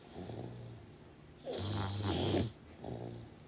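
One loud, rough, rattling snore on the in-breath, with softer breathing before and after; snoring.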